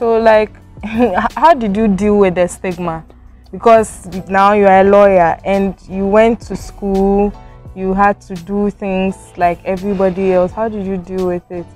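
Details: Adult woman speaking; normal speech.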